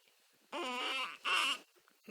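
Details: Infant crying on waking cranky with hiccups, possibly with gas: two short, high, voiced cries of about half a second each, with a brief pause between.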